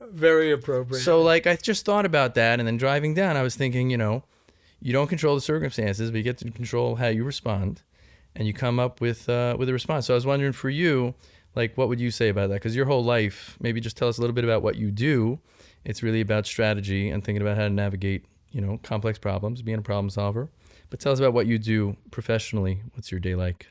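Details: Adult male speaker; typical speech.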